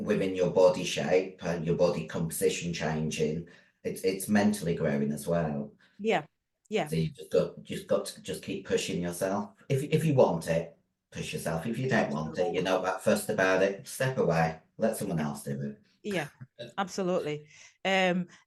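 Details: 56-year-old female bodybuilder with androgen-induced voice deepening (virilized voice) after taking large doses of anabolic steroids, including male steroids; she can no longer sing; also has chronic kidney disease and past liver damage.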